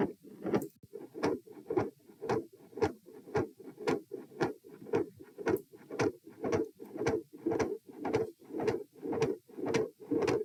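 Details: Heart sounds recorded at position P with the same subject standing: fast, regular heartbeat at about 113 per minute with a rushing murmur filling much of the space between beats; across recordings the murmur ranges from absent to continuous.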